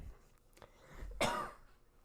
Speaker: my big concern was like I hope people are like uh I want to listen to this there's nothing but coughing going on